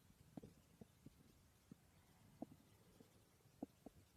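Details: Person's stomach growling while asleep: quiet, irregular gurgles and soft pops over faint hiss; borborygmi.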